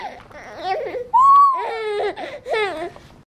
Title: baby laughing while crying